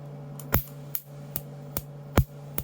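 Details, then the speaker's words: Commercial tattoo removal laser firing on a tattoo at 5 Hz and 100 mJ, a low setting; painful and damaging the tissue: sharp, regular snapping pulse clicks over a steady low electrical hum. "And so I'm going to start at 5 hertz, so 5 pulses per second, and I'm going to start at a relatively low setting, 1,000, sorry, not 1,000. I'm going to start at a lower setting, 100 millijoules, so that's pretty low."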